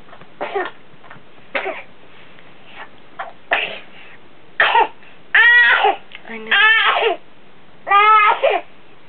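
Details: Child's coughing episode recorded for the doctor: a run of short, harsh coughs followed by longer, strained voiced sounds; whooping cough suspected but undiagnosable after antibiotics given for pneumonia.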